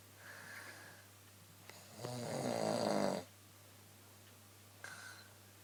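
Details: Adult woman snoring in her sleep at night (1:15 am), said to happen every night: one loud, rattling snore on a breath in, between quieter breaths; snoring.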